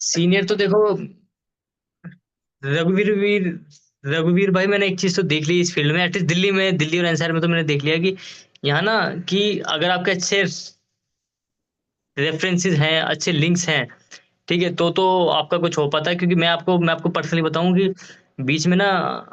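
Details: Adult man who stammers, with audible word repetitions; stuttering.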